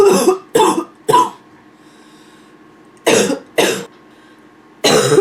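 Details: Female with nonstop barking cough: six harsh, abrupt dry cough bursts in short runs with pauses between.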